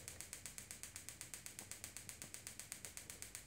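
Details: Gymna Shockmaster 300 extracorporeal shockwave, 15mm focused head, 3 bar, 2000 shocks at 8 Hz with gel, on plantar fascia attachment at calcaneus for proximal plantar fasciitis/heel spur: rapid steady sharp clicking pulses, about eight per second.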